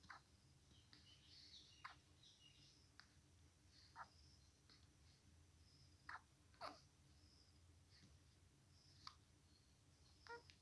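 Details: 1-week-old newborn baby with hiccups: soft, brief catches recurring at irregular intervals, about eight in ten seconds, over quiet room noise.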